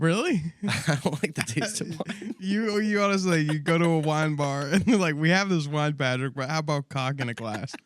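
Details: Adult man; normal speech.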